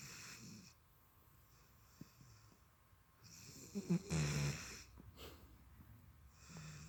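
Quiet room with a deep, rattling snore on the in-breath and softer breathing noise around it; a dog snoring in sleep.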